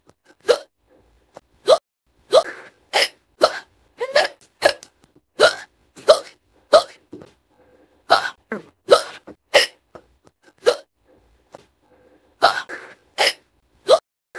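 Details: Rapid, somewhat irregular voiced hiccups, about 90 a minute, in an AI-generated cartoon female voice of Sandy Cheeks after swallowing an acorn wrong at a picnic; fast repeated hiccups, not a real person.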